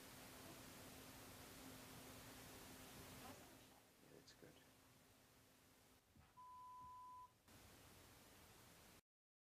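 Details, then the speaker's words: Pure-tone audiometry on an adult with trouble hearing in background noise and frequent live-music exposure, using insert earphones with one ear tested at a time and a button response. A single steady pure beep under a second long, with faint room noise and clicks. "headphones or these insert earphones are used to deliver the stimuli to the clients ears one at a time the client responds to the sounds they hear usually by pushing a response button"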